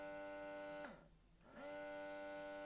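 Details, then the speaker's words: Bellababy electric breast pump on normal suck mode, a classic pumping rhythm and suction level: steady motor hum that drops away and returns in one suction cycle. "Okay, this last one is called normal suck mode. So I don't know what the other 3 were, but they weren't normal. Okay, that to me sounds like a really classic pumping rhythm and suction level."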